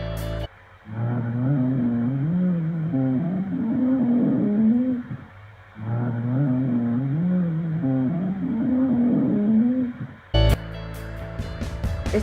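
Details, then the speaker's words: Cardiorespiratory physiotherapy auscultation teaching example of rhonchi: low-pitched, snoring rumbles through two long breaths from obstructed airflow, with causes given as asthma, bronchitis, emphysema and foreign-body obstruction. "Roncus, similar a ronquidos, se da por aire obstruido. Las causas son asma, bronquitis, enfema, obstrucción por cuerpo"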